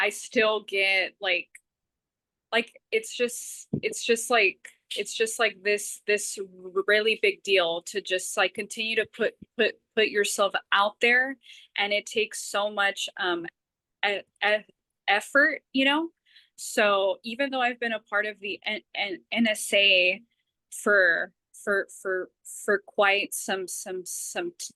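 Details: Stuttering with part-word and word repetitions in an adult woman.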